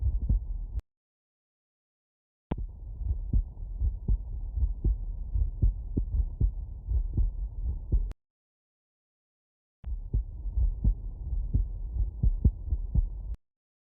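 Soft, low thumping heartbeats come through a stethoscope in three stretches separated by brief silences, with a faint steady hum underneath. These are normal heart sounds, the ordinary closing sounds of the heart valves, with no extra noises between beats.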